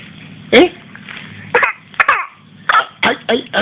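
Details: Voluntary cough from an infant coughing to get attention while his grandfather talks to him: several short, dry, deliberate coughs.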